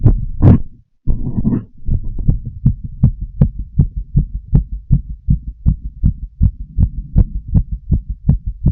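Brief rustle of breath, then quick, regular heartbeats with clear thumps; ordinary heart sounds.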